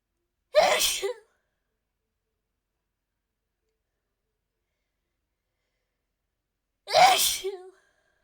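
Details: Two sharp, explosive sneezes about six seconds apart with silence between; sneezing, coughs occurring later in the recording.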